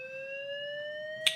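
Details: Paramedic training demonstration of synchronized cardioversion on a training defibrillator, repeat shock escalated to 150 J in sync mode: steady rising electronic charging tone ending in a click.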